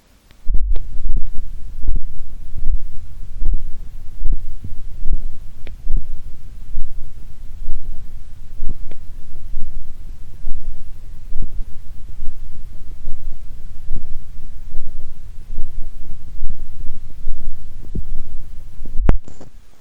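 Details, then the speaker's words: Arterial pulse recorded with an old, broken microphone held over a pulsating artery in the crook of the elbow: low, dull regular thumps at about 71 per minute, low-frequency pressure pulses of blood flow. "okay so what you can see here again are regular pulses of pressure being recorded they're more pressure than a really sound because the frequency is relatively low"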